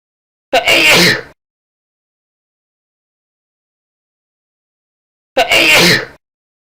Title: Sneezing Sound Effect 2